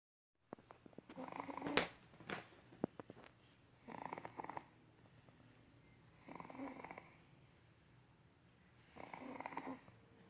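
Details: Infant snoring: soft, snuffly, rattling noises with each breath, about every two to three seconds, over a steady high-pitched background whine; mild snoring.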